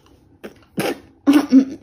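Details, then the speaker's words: Young child making a few short throaty imitated cough sounds during pretend play, told to cover mouth and take medicine; imitated cough. "Batuk Pak haji batuknya ditutup pak haji ditutup mulutnya Gimana kalau batuk"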